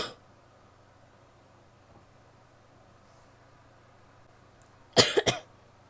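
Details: Adult woman coughing: a quiet room breaks into a short burst of about three harsh coughs.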